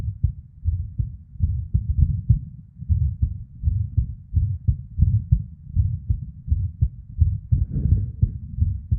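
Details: Female with an irregular heartbeat: low thumps at about 86 a minute with uneven spacing and occasional early beats (PVCs/ectopics), plus a whooshing murmur of blood flow.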